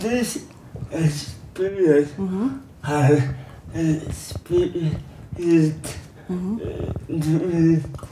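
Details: Young adult man with cerebral palsy, diagnosed as mild, answering interview questions; dysarthria (cerebral palsy).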